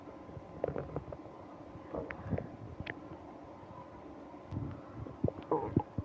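Scattered gurgling and rumbling bursts over quiet background hiss: stomach growling from gas and fluid moving through the gut.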